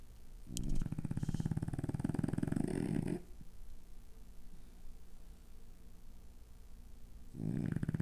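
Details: A sleeping dog gives long, loud, rattling snores separated by quiet pauses; heavy snoring loud enough to keep the owner awake.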